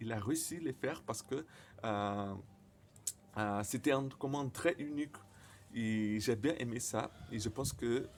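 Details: Stuttering in a male speaker, speaking French, who says his stutter often involves silent moments.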